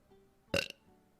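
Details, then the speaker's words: A single short burp from a woman during a livestream, over faint background music. She tells viewers she burps a lot. "um excuse me also for everyone who's new here I do burp a lot"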